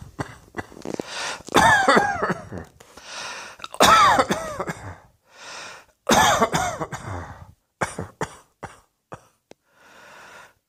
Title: Cross Dressing Coughing 116